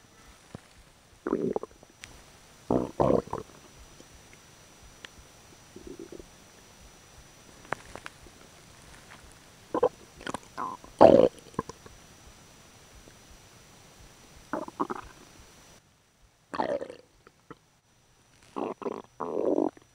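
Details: Intermittent gurgling and rumbling bursts with quiet gaps between them; ordinary stomach growling (borborygmi) from gas and fluid moving through the gut.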